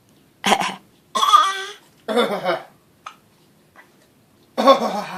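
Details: Deliberately faked coughing: four loud, harsh cough bursts with short gaps in a quiet room, mostly imitated.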